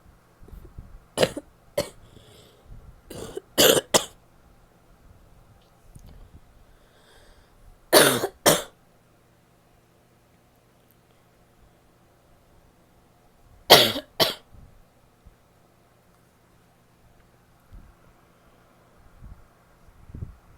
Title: wet barky cough (f)